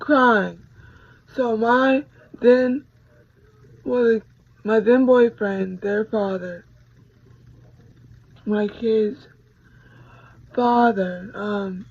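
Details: 26-year-old woman with a hemorrhagic stroke from a ruptured brain aneurysm 6 days after giving birth to twins (July 2018); right-sided paralysis, lost speech and relearned talking; voice still not normal; post-stroke speech impairment.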